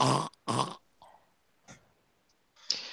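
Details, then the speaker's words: Dog: two harsh, forceful hacking coughs, then a few weaker wheezy coughs. "alright more coughing and hacking my god Momo don't die here"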